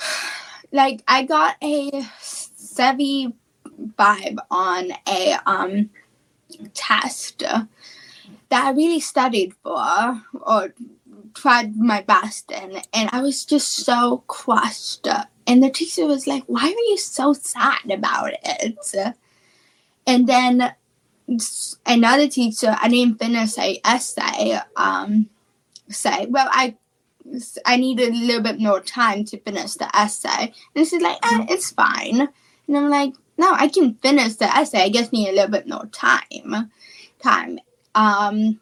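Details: Female high school senior with childhood apraxia of speech, a neurological speech disorder, in speech therapy since about age four and once only 10% understandable; childhood apraxia of speech.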